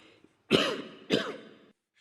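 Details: The Chinese President, speaking live at a Shenzhen event on October 14, 2020, gives two harsh, forceful coughs in quick succession with rough, raspy tails in a quiet setting: coughing spasm.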